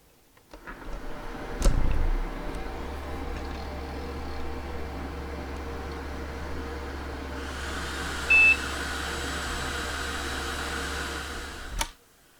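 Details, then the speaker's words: Transcranial Doppler machine (26-year-old hospital unit with embedded MS-DOS PC) powering on: switch click, low fan hum, rising whir of an old hard drive spinning up, then one short POST beep. "You get the faint but unmistakable sound of an old hard drive spinning up and just a regular post beep like any other '90s computer."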